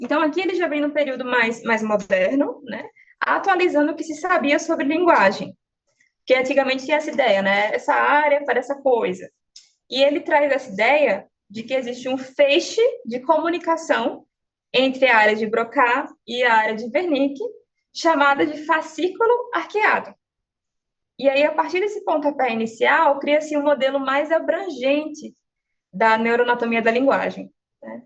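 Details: Adult woman speaking Portuguese; normal speech.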